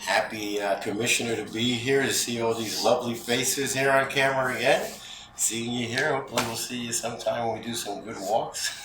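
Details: Adult male speaker; typical voice.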